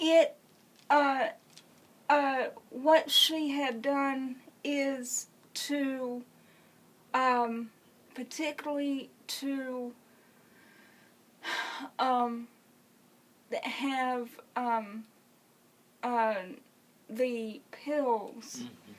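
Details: Adult woman with congenital cerebral palsy who uses a wheelchair, speaking; speech in cerebral palsy.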